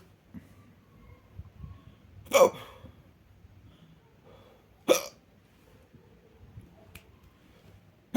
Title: More hiccup